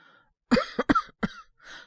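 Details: Acted cough by a Japanese male-voice actor playing a young man with a cold, coughing on waking at night: a short burst of three to four harsh, wet-sounding coughs.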